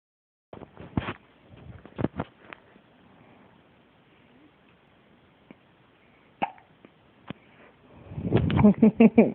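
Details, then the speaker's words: Baby girl with hiccups: short, sharp, irregular catches of breath, about two to three a minute per cluster, with fussing toward the end; infant hiccups. "what they need something for baby hiccup don't they we can't have anything for it though"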